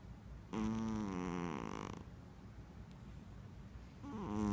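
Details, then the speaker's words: A loud, rattling, pitched snore lasting about a second and a half, followed by a quiet pause and the start of another; snoring. "you're snoring. Oh, I finally have proof."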